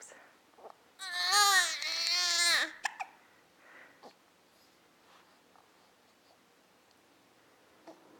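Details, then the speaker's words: Infant fussing during her daily bout of hiccups, reportedly more from not being held than from the hiccups: a short, high, wavering cry, then quiet fussing with small catching sounds. "She's really fussing more because she's not being held than because she has"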